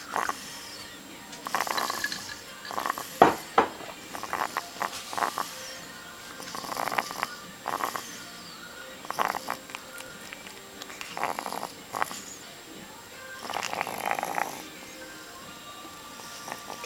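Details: Pet house chicken with a wheezing problem the owner is trying to diagnose: irregular noisy breathing bursts with faint whistling tones; wheezing.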